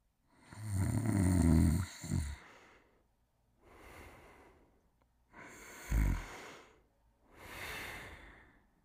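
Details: Buck, a sleeping dog: four slow, rattling snores with quieter breaths between them, roughly one every two seconds; ordinary snoring.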